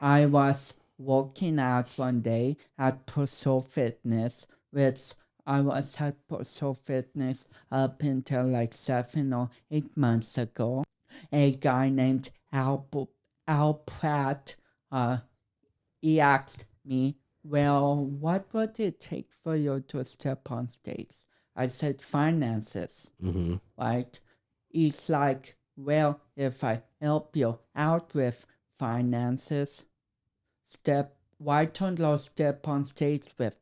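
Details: 32-year-old man with cerebral palsy affecting speech coordination and walking; dysarthria due to cerebral palsy.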